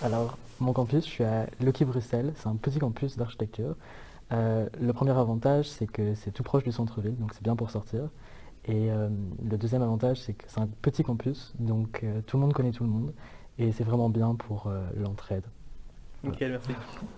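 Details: Adult male speaker; normal voice.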